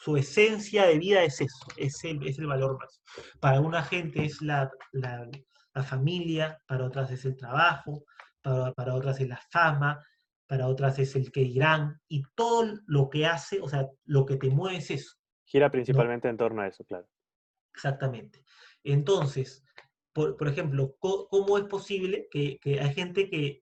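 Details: Adult man who stutters, speaking Spanish in a podcast conversation; stuttering.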